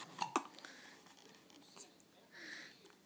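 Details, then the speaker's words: Hiccups in a 2-week-old: two quick, sharp, gulping catches close together, then quiet breathing and faint background sounds. "have the hiccups. They have the hiccups. Oh. Okay, we'll get rid of those."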